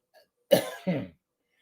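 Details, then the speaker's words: Single harsh, throaty cough with a rough voiced tail, close to a throat clear, from an adult who says they have been under the weather this week with a sore, hoarse throat; cough. "I sound not like more like myself, I've been kind of under the weather a little bit this week."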